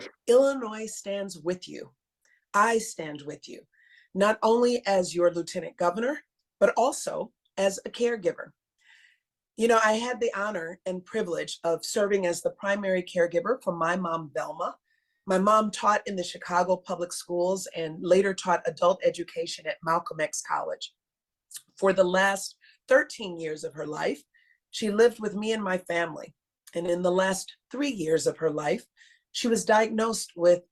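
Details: Adult female speaker; normal speech.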